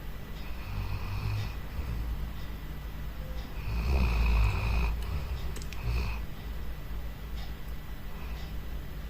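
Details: Sleeping dog snoring: soft, low rumbling snores repeating irregularly over steady room noise; ordinary snoring.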